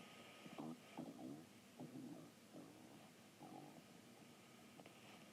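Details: Stomach growling (borborygmi): a series of low gurgling, creaky rumbles over a steady hiss.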